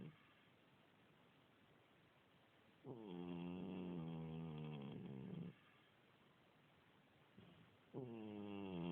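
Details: About 16-year-old cat with a continuous cold: two long, buzzy, tonal snores separated by quiet pauses while sleeping; snoring.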